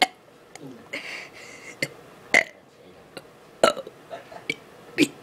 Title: First attempt burping the abc's